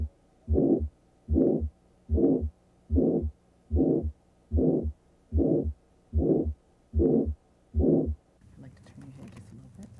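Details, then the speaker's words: Regular whooshing pulses at about 74 a minute, heard with the stethoscope bell over the neck as a demonstration: a carotid bruit suggesting arterial narrowing. "a bruit is a whooshing murmur like sound that suggests arterial narrowing if present it would sound like this"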